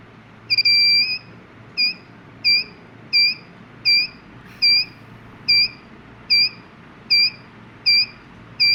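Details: Heartbeat detector circuit built on an LM358 op-amp IC: high electronic beeps about 79 times a minute, each marking a detected pulse.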